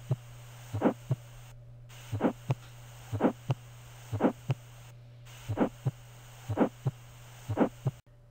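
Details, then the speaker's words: Child with a systolic, low-pitched, vibratory murmur heard best at the left sternal border that softens from supine to sitting, a soft buzzing murmur between regular beats at about 60 a minute; innocent (Still's) murmur. "Uh the most likely diagnosis in this case is innocent murmur. I will give you a chance to listen to it again because extremely common in children."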